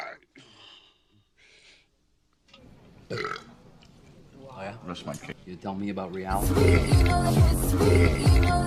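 Loud, drawn-out, low rumbling belches with a throaty vibration, music and speech behind; burping replayed from film and television.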